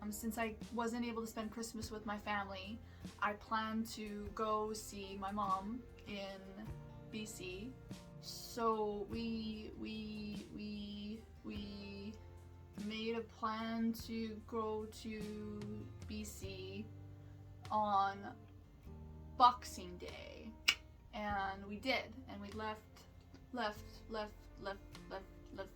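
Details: Adult woman with Tourette syndrome, who also reports seizures, FND and panic attacks and says her tics have been mild lately, with a word tic heard as 'left' repeated: vocal tic (word repetition, Tourette syndrome).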